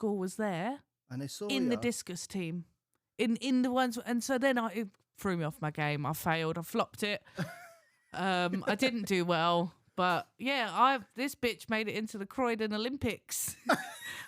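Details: Adult woman speaking; ordinary speech.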